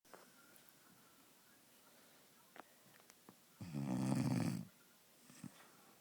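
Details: Pet bird snoring: one loud, rattling snore lasting about a second in a quiet room.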